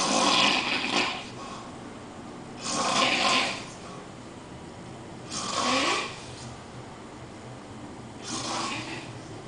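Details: Loud rasping snores about every 2.5 seconds with quiet breathing between, from someone sleeping on a couch in a small room; snoring.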